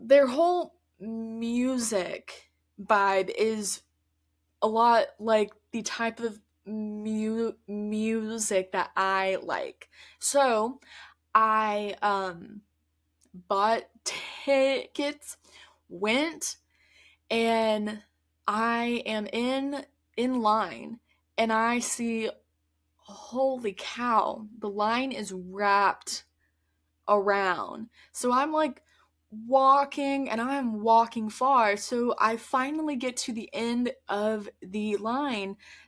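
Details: Adult woman who stutters, speaking conversationally; stuttering.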